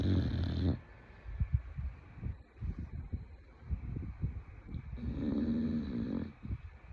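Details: A sleeping female bulldog; rough, rumbling snore with irregular low snorts: snoring.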